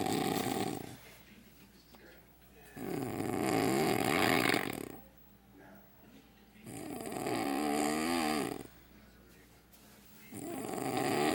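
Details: Husband asleep with mouth open, snoring like a bullfrog: loud, rough, rattling snores on each inhalation, about five breaths a minute, with quiet pauses between; heavy open-mouth snoring.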